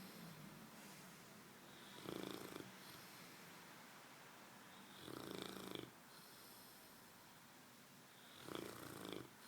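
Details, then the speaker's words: Puppy in deep sleep, barely able to open its eyes, snoring: three soft, rough snores at irregular intervals with quiet breathing between. "Abraham, you're snoring. Can you stop? It's keeping me up."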